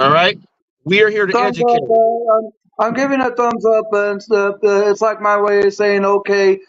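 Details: Adult man (guest) with stuttering as part of a speech impediment he links to his diagnoses of mild high-functioning autism, ADHD, bipolar disorder and seizure disorder; he says he may lose his train of thought or sound repetitive; stuttering.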